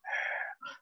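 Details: Imitated inspiratory stridor, a noisy breath through a narrowed airway, demonstrated in a lecture on stridor causes such as laryngomalacia, foreign body and laryngeal trauma.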